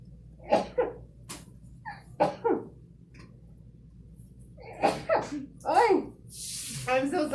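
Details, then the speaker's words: Uncontrollable sneezing triggered during a COVID nasal swab test: a run of short, sharp bursts of breath and voice ending in a hissing blast of air, followed by an apology. "so sorry. I knew I was gonna sneeze."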